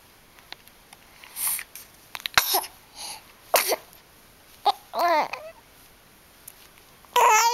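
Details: Infant girl sneezing: a brief sharp sneeze amid soft babbling and small vocal sounds in a quiet room, in a clip that also shows her hiccuping, smiling and growling.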